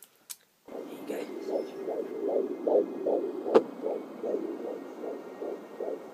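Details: Fetal heartbeat at 14 weeks 6 days, recorded at home with a Doppler lower on the abdomen after an earlier recording was likely the mother's heartbeat. Fast, regular whooshing pulses about 150 a minute, with fuzzy noise possibly from fetal movement.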